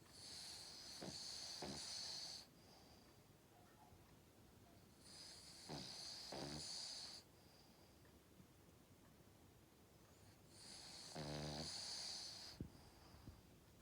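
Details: Cavalier King Charles Spaniel dog snoring: three slow, hissing, whistling breaths with soft fluttering, about 12 a minute, one ending in a brief snort.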